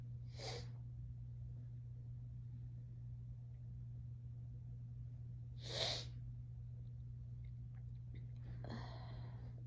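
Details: Adult described as tipsy and high: two sharp, explosive sneezes about five seconds apart, then a brief sniff, over low room hum; sneezing.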